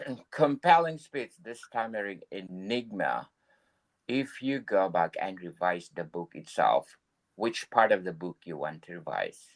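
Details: Adult male speaker; typical speech.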